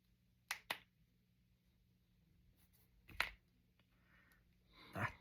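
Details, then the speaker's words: Person deliberately cracking their fingers and knuckles: several sharp, dry pops from finger joints in a quiet room, one notably loud; harmless knuckle cracking. "was a loud crack. I knew these two were going to crack because they were nice and relaxed. But this one still has to be cracked."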